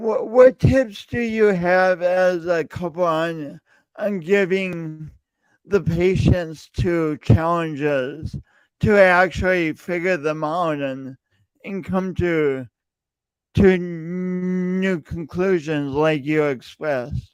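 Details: Male speaker who self-reports an audible speech impediment present whenever he speaks, with part-word and word repetitions; stuttering (speech disfluency).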